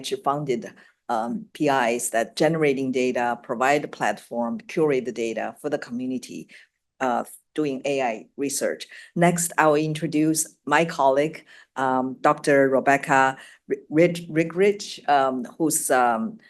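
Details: Adult speaker; no voice disorder.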